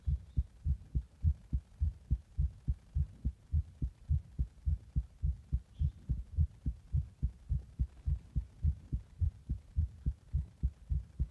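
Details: A person's fast heartbeat, recorded in the bath after drinking a Monster energy drink and after pressing on the chest.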